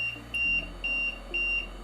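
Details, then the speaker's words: Simulated training on an LTV-1000 portable transport ventilator: repeating high-pitched beeps, about two per second, over a low hum. Apnea alarm with backup rate 12 breaths/min in the previous pressure-control SIMV mode; cleared by two consecutive patient breaths or silence/reset. "so we can clear this alarm in two ways if the patient was to take two consecutive breaths"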